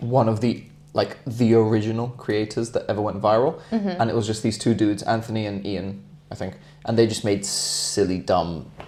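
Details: Adult man; normal speech.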